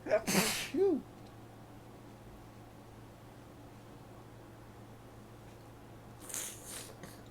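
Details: Person with hay fever in allergy overdrive, catching big wet sneezes in tissues; a sharp wet sneeze with a sudden intake of breath, then a fainter second sneeze; allergic sneezing.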